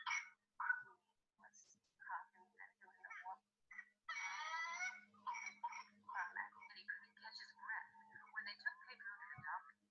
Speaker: I wanted to show what whooping cough sounded like because I've never heard it before but apparently it's very like you'll recognize it if you hear at one time